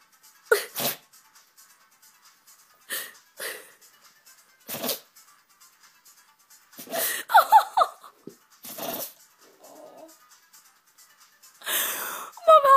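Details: A dog has a sneeze attack after something got in his nose: a rapid series of short, sharp sneezes. It was not serious and he was unharmed; repeated sneezing.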